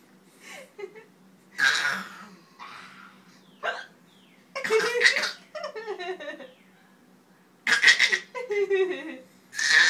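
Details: Mother's hiccups: abrupt, short voiced gulps at irregular intervals, with her young son laughing at them; hiccups.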